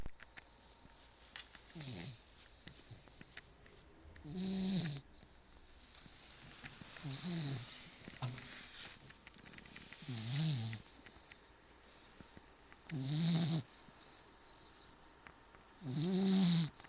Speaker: a don't they look cute even if one's snoring